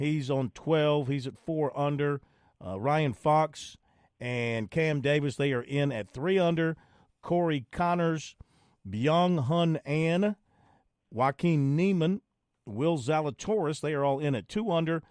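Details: Adult male speaker; normal voice.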